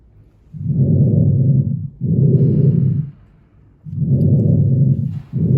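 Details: Lung auscultation with a stethoscope over the front of the chest: soft, low rushing breath sounds in regular cycles; normal breath sounds.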